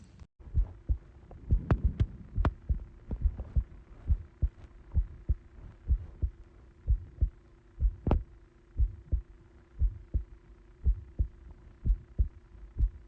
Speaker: This is me listening to my heartbeat through my phone.